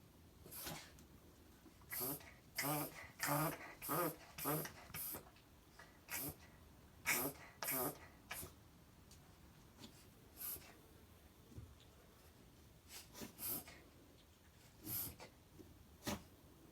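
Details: Dog in a barn with a sneezing fit, reverse sneezing for almost 10 minutes: repeated rapid snorting inhalations in bursts with short pauses between runs; reverse sneezing.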